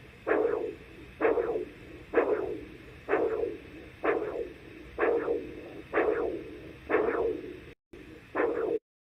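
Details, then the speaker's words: Doppler recording of radial and femoral pulses in a patient diagnosed with coarctation of the aorta: regular whooshing pulse sounds about 64/min, femoral pulse arriving later than radial, a radio-femoral pulse delay. "I felt his uh ephemeral pulse and I felt this radio pulse and there was a delay there there was radio femoral holster"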